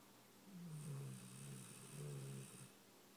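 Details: A sleeping female gives two low, buzzing snores on successive breaths, about a second apart, over faint room hiss; the snoring is heavy enough to prompt a suggestion of a nasal strip.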